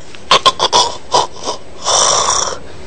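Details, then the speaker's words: Imitated snorts and a loud gasping breath demonstrating how a snorer's blocked airway causes choking and breathlessness, so the body briefly wakes the brain (microarousal) without full waking: the arousal snort that ends an obstructive apnoea. "Nah ini apa yang terjadi saluran nafasnya tersumbat jadi seolah-olah tercekik dia sesak mekanisme pertahanan tubuh akan membangunkan otak dan si penderita"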